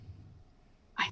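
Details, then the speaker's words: Woman with Tourette syndrome, diagnosed at age 9, during a talk: a single sudden hiccup-like vocal burst breaks a quiet pause, an involuntary vocal tic. "I can wait for a big explosion scene or a car chase or a car crash and I can let my ticks out and no one would be the wiser"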